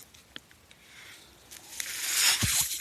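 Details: Ventilator audible behind the user's own speech while he records a Star Wars podcast; a few soft clicks, then a rising airy hiss of pushed air builds over about a second. Mechanical ventilator breath.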